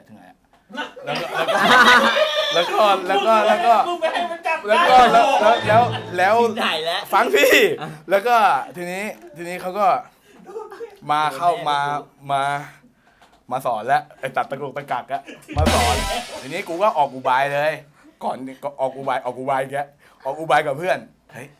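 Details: Thai speaker from a group of people who stutter, telling a story during a game, with word and part-word repetitions; stuttering.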